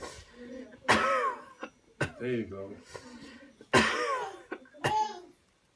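Several forceful deliberate coughs with voiced, groaning tails and short throat sounds between them; a voluntary coughing demonstration.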